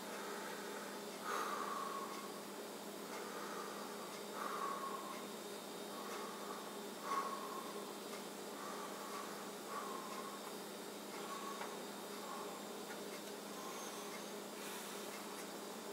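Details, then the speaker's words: Stethoscope auscultation down the back of an adult man's chest, who denies shortness of breath, gives clear lungs with good airflow, not diminished; normal breath sounds. "those lungs are clear transportation not diminished you can hear the good airflow"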